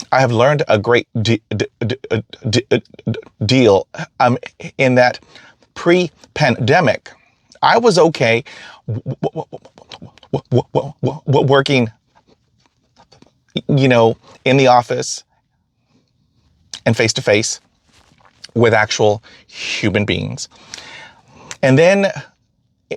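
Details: Stuttering in an adult man who stutters.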